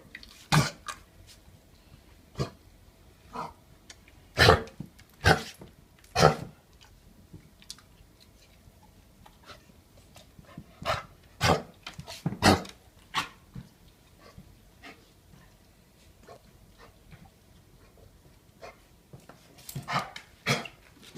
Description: Demonstration of a dog showing classical symptoms of kennel cough.